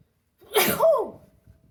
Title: Tickle sneezes Africa.